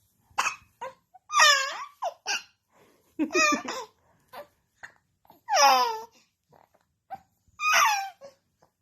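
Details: Newborn baby during tummy time makes repeated short, sharp catches of breath between brief fussy whimpers and coos: infant hiccups.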